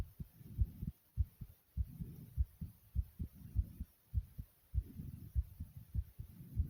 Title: Thumping Fast Heartbeat Sound ❤❤❤